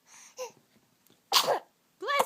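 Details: Eight-week-old baby boy sneezing repeatedly: short, high, explosive infant sneezes with soft vocal squeaks between them.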